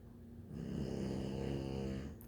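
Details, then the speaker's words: A small, very tired sleeper who does not wake when called snores loudly: one long, loud, rattling snore on an in-breath, with a low vibrating flutter throughout. "She be so tired. She be catching him. How can something so little snore so loud?"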